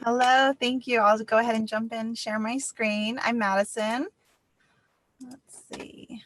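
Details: Adult woman speaking; normal speech.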